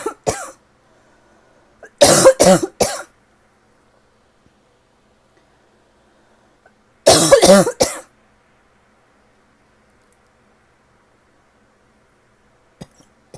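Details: Lingering tickly cough that seems to be starting to improve: three short bursts of dry coughing, each a quick run of two to four coughs, separated by silence.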